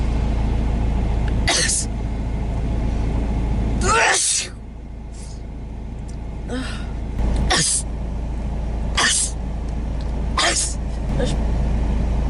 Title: sneezing attack in the car on the way to work